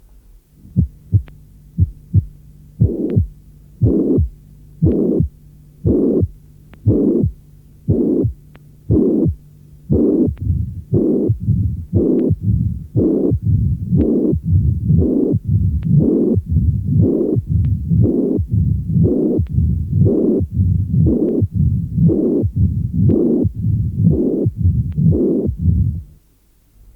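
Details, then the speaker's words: Mitral stenosis with mitral regurgitation, reassembled: systolic murmur, then diastolic rumble with presystolic accentuation; first sound usually not accentuated, opening snap and third sound usually absent; audio from a 1981 cardiac auscultation teaching course. "Je vais maintenant recomposer cet ensemble auscultatoire. D’abord le souffle systolique, puis le roulement diastolique avec son renforcement présystolique."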